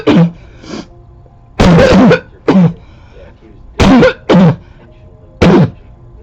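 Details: Close-up recording from 2014 of a person's recurring barking cough, the same barking cough as in their other recordings.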